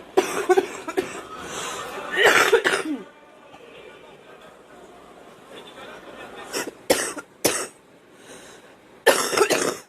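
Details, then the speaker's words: Girl with bursts of harsh coughing and throat clearing, quiet pauses between clusters; she has homegrown tobacco, says it hurts and that she has something in there. "But it's just a different kind of cough. What? Oh yeah, you can tell I have something in there."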